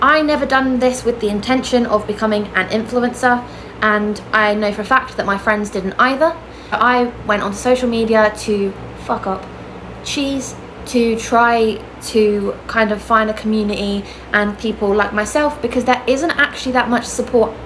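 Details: Adult woman with Tourette syndrome; a vocal tic interjection is heard mid-sentence; vocal tics (Tourette syndrome).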